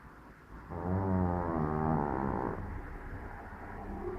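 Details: A cat snoring loudly, like a bear: deep, rumbling snore with a vibrating tone during each breath, fading into quieter breathing; typical snoring.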